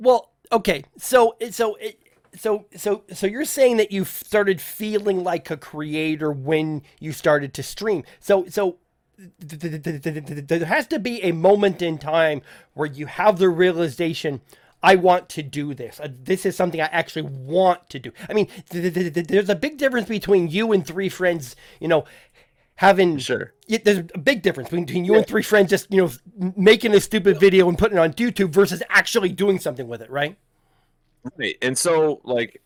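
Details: Stuttering (self-reported) in an adult male podcast host who says people in voice chats often asked him to repeat himself; speech has word and phrase repetitions.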